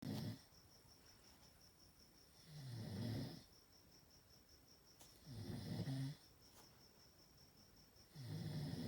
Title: Chihuahua Snoring